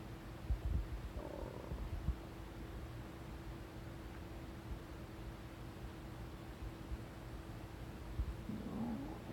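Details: Stomach noises, with a tabby cat sleeping nearby: soft low gurgles and rumbles over a steady low background hum; normal stomach rumbling, borborygmi.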